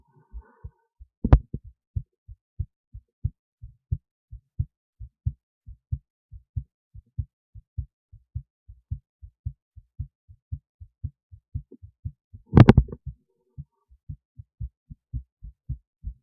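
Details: Own heartbeat recorded with an esophageal stethoscope resting near the heart, recorded alongside an EKG: steady, regular heartbeat with crisp low thumps and two brief bumps; heart sounds.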